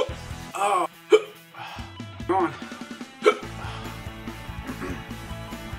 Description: Just having a little fun with my hiccups!!